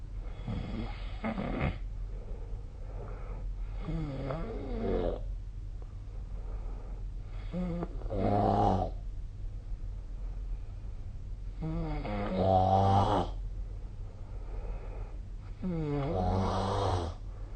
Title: 🐽 いびきの音 / Snoring Sleep Sound 2025/05/24